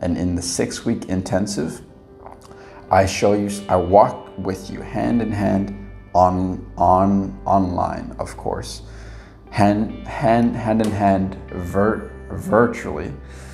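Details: Adult man who stutters demonstrates a stuttering block, which he describes as being unable to release air with struggle, force and tension, alongside repetitions; stuttering blocks and repetitions.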